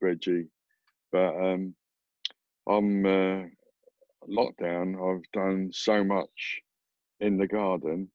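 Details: Adult with aphasia after a stroke who says his speech is now much improved, speaking with aphasia.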